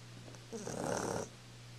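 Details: Snoring, recorded with a Flip Video camcorder: a single brief rattling snore over a steady low hum during sleep.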